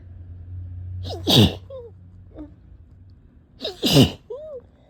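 Two sharp sneezes a few seconds apart, each with a quick intake before the burst; steady low hum in the background.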